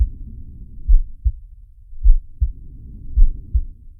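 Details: Heartbeat and breathing of Sharko, the animated cartoon shark (Zig & Sharko, Xilam Animation): paired low lub-dub thuds, about 53 beats a minute, with soft breathing between beats; a slow heartbeat.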